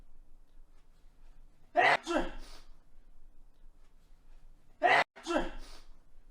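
Two sharp, explosive sneezes about three seconds apart, each a burst followed by a short trailing exhale.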